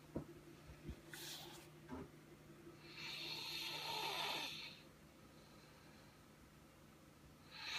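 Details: Snoring during sleep in a quiet room: a rough, hissing snore on a long indrawn breath with softer breathing around it.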